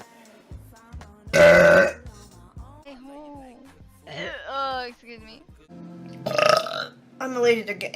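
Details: Female livestreamer burping mid-conversation: a loud, long belch amid casual talk, with a second burp near the end; ordinary eructation.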